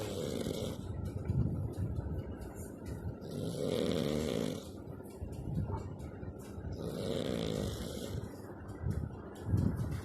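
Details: Two people snoring: loud, rough snores in slow repeated cycles of about three seconds, with a deep rattling low rumble.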